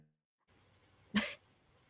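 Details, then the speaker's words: An adult clears their throat: a single short cough-like burst over faint room noise. ">> [clears throat and cough] >> I'm going to play this while I clear my throat."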